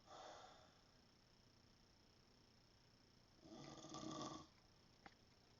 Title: mom still snores